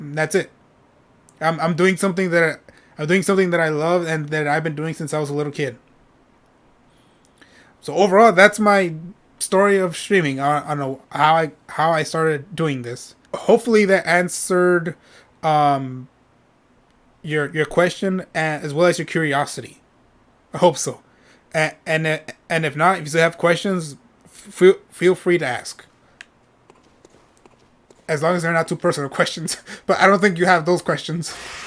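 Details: Adult male streamer with a self-reported stutter; he says it takes him a while to say what he is thinking and he often stutters or repeats himself; stuttering.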